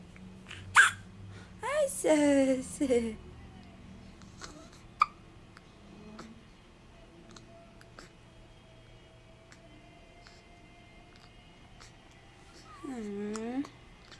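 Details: An infant's first hiccups: brief sharp hiccup sounds at the start, then short voiced squeaks, a quiet stretch, and a longer vocal sound; infant hiccups.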